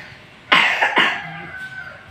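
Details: Cough from a child sick with a cough and cold: two sharp, loose cough bursts in quick succession.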